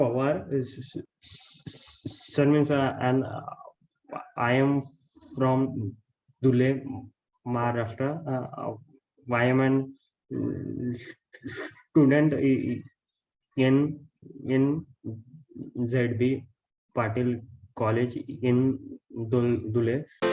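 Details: Stuttering in a male college student from Maharashtra before a speaking training course, with repetitions and hesitations while introducing himself; he later reports speaking without stuttering after training.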